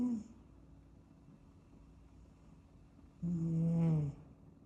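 A soft whistling snore of about a second after a quiet pause, with a faint room hum; a sleeping kitten snoring.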